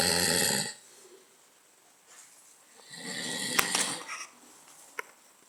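A harsh, rattling snore on the in-breath, then quiet breathing in a small room: snoring during sleep.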